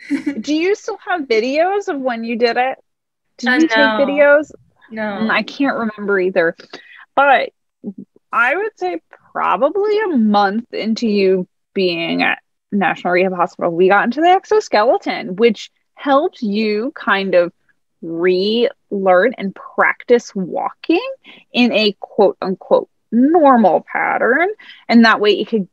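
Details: Adult women in conversation; no speech disorder.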